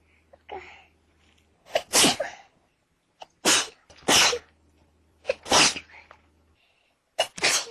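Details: Person sneezing repeatedly: four sharp, explosive sneezes in quick succession, each with a brief intake of breath before it.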